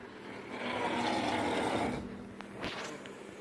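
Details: Person asleep at a friend's house snoring: a long, loud, rough rattling breath lasting about two seconds, then quieter breathing with a few small noises; heavy snoring.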